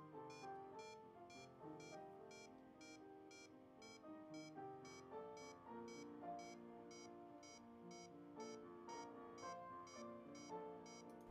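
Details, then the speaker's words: Simulated patient on LLEAP simulation monitor: rapid SpO2 beeps, about 120 a minute, whose pitch falls as oxygen saturation drops to 65 percent, pulse oximeter tone falling with desaturation. "two spo2 piping tones reflects the saturation's level and oxygenation status note the spo2 tone changes has the saturation drop to 65 percent"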